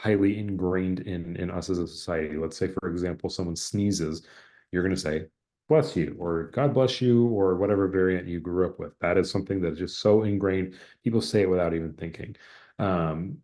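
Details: Adult speaker; normal speech.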